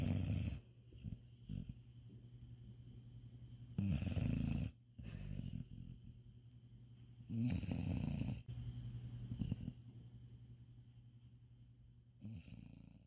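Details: Cat snoring while deeply asleep on a bed after a tiring holiday: low, rough snoring breaths with louder snores on inhalation about every four seconds in a quiet room. Snoring.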